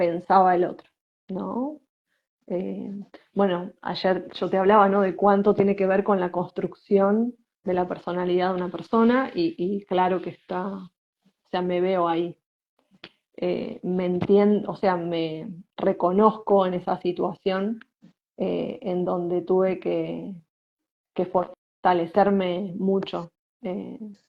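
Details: Spanish-speaking woman who identifies herself as a person who stutters, in conversation with a speech therapist; stuttering.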